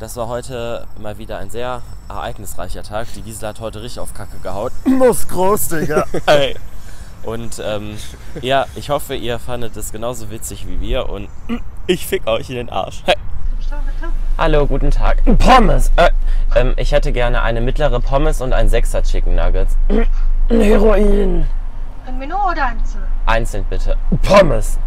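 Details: Young man with a strong form of Tourette syndrome; vocal tics with sudden out-of-context words and swearing intrude into his speech: vocal tics with coprolalia (Tourette syndrome).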